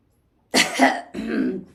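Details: Woman attempting to sneeze by tickling her nose with a soft cloth corner during a sneezing challenge: a harsh throat-clearing burst followed by a short cough, in a quiet room.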